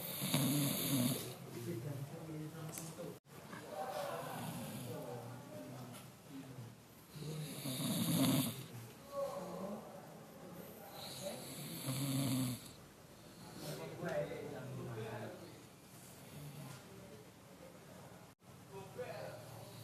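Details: Sleeping child snoring: loud rattling snores on each in-breath, about four breaths in twenty seconds, with quieter breathing between.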